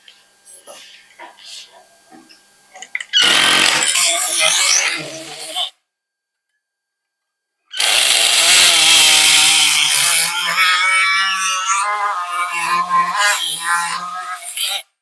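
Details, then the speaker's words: Quiet voices and clinks, then two loud bursts of harsh buzzing saw noise as femoral bone cuts are made during a revision hinged knee replacement; surgical bone saw. "Now we are going to take different cuts in the upper direction, lower direction, and the chamfer cuts."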